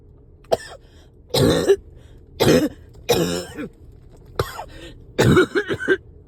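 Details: Run of about six wet, rattling coughs and throat clearing while riding in a car, with road noise behind; a coughing fit from phlegm badly stuck in the throat.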